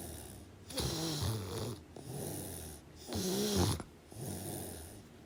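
Rough, fluttering snores with each breath in, two strong ones and softer breaths between them, over a steady low room noise. Ordinary snoring.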